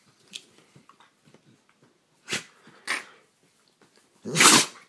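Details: Dog: soft snuffling and sniffs, then two short nasal bursts and one loud explosive sneeze; sneezing.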